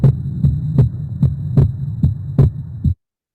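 Simulated stethoscope heart sounds: regular paired beats at about 74 per minute over a steady low hum.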